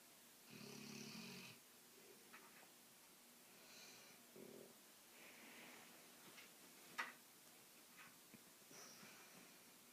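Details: Female dog (River) snoring loudly in sleep and waking herself up: a loud rasping snore, then softer snuffling breaths in a quiet room.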